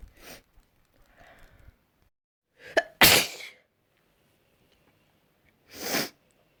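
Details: Adult sneezing recorded last week: several separate sneezes, including a loud explosive one with a sharp intake before it, with quiet gaps between them.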